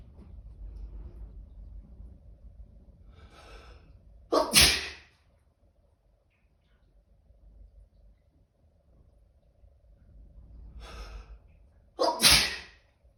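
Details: A sneezing fit from a small animal: two sharp, high-pitched sneezes about eight seconds apart, each after a brief quiet sniff.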